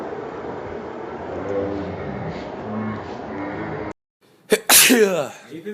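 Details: Background noise and faint music, then a brief pause, a short inhaled catch and one loud, explosive sneeze.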